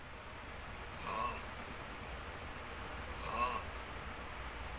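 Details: Snoring during sleep: two rough snores about two seconds apart over steady room noise.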